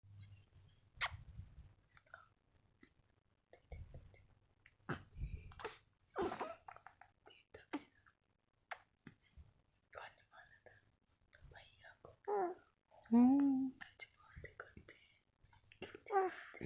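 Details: Baby girl sneezes a few short, sharp times, then softly babbles and coos in a quiet room; ordinary infant sneezes.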